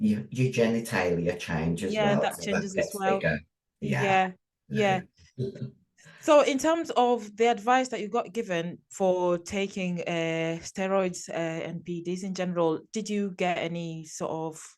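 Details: Adult speaker, conversational podcast; normal voice.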